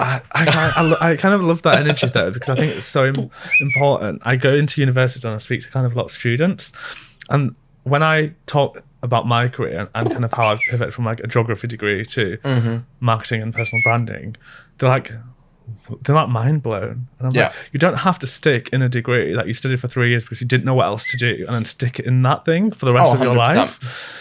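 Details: Adult man, conversational speech; normal speech.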